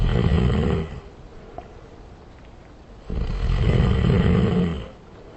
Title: Snoring [Slowed | Reverb]